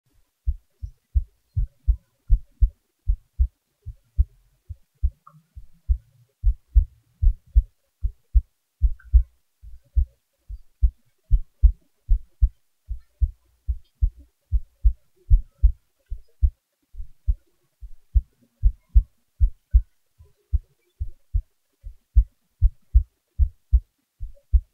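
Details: Self-recorded own heartbeat at rest: steady, regular paired low thumps at about 76 beats a minute, normal heart sounds.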